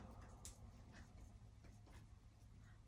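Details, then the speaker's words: Resonant percussion note over the chest, soft hollow taps over air-filled lung, heard during a head-to-toe assessment after tactile fremitus testing; normal resonant lung percussion. "I'm hearing the resonant tone."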